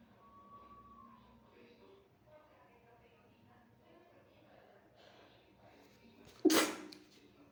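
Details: Late-night sneeze after a shower: quiet room hush, then a single sharp, forceful sneeze; sneezing.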